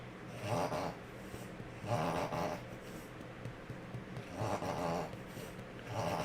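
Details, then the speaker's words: Pug having a reverse sneeze episode: repeated loud snorting, honking inhalations, about one every one and a half seconds. "I don't know if you can hear that at home he's doing like a little reverse sneeze"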